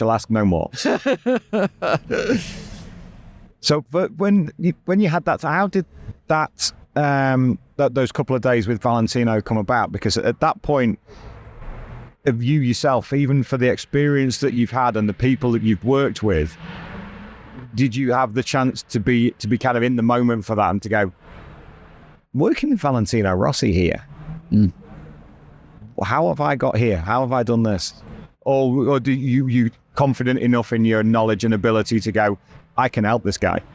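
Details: Adult male speaker; normal speech.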